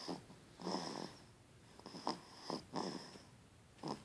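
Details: Repeated short, rough snorting snores with brief whistling tones in a quiet room; snoring.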